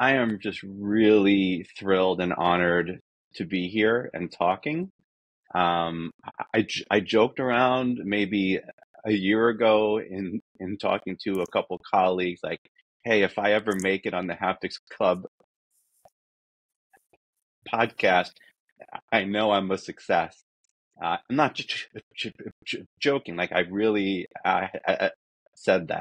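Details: Adult man who says he is a person who stutters, real and not a recording artifact; stuttering.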